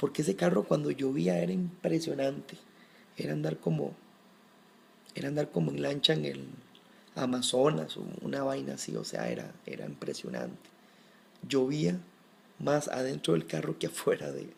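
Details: Adult man who has stuttered since early childhood and still does at times, more or less depending on the situation; stuttering.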